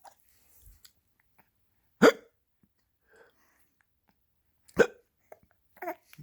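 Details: Hiccups in a dog: two sharp, brief gulping hiccups a few seconds apart in a quiet room, with faint sounds between.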